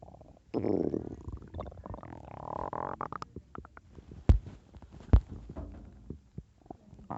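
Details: Bubbling, rumbling stomach growling (borborygmi) in a person with an upset, painful stomach after heavy drinking the night before and mixing a lot of junk food.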